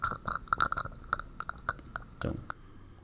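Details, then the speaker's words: Death rattle: irregular wet gurgling and bubbling sounds from secretions accumulating in the upper airways. "o extor da morte é mais quando acumula a secreção nas vias áreas altas como aqui está"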